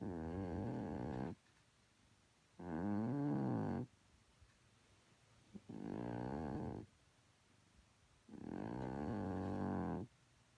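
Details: Low, fluttering, purr-like snores with each breath, roughly 22 a minute, separated by quiet pauses, from a sleeping cat, the oldest of the household's cats.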